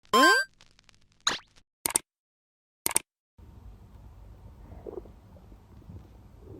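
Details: Close-up recording of stomach growling non-stop (bowel sounds, borborygmi): after a few opening pops and chimes, a low, continuous rumble with a brief gurgle.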